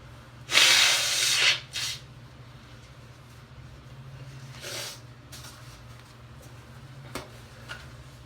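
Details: Female with hay fever sneezing: one forceful, wet, hissing sneeze, then a smaller second burst and faint breathy sounds in a quiet room.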